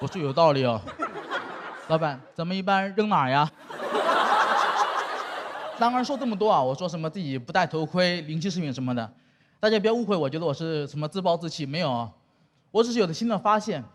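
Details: Adult stand-up comedian on stage; normal speech.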